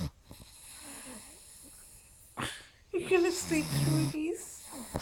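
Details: Elwood, a pug, snoring while asleep: snuffling, whistling breaths with some snorting, and a person's voice nearby calling him and asking if he'll wake up.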